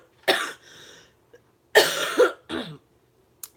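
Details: An adult woman, still ill and hoarse-voiced, coughing during a live chat: two or three harsh cough bursts with short gaps in a quiet room.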